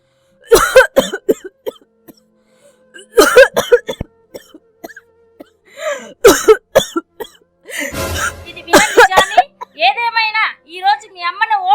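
Acted, repeated harsh coughing in about four bouts over a faint steady tone, ending with a brief voice; persistent cough.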